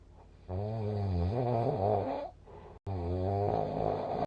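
Low, buzzing, voice-like snores with a steady drone, broken by a short pause: snoring.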